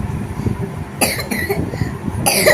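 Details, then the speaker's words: Two brief coughs from a child with unstoppable continuous cough recurring every 10–20 seconds, worse with movement, air exposure and crying, over room and traffic noise. "Unstoppable continuous calf unstoppable constant calf কতক্ষণ পর পর কাশিটা হচ্ছে"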